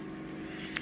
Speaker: I mean a little few bits keep disappearing up the tube but I'm holding it in place and when you hold the suction tube in place and a lot of regulars will know this uh the power in the machine increases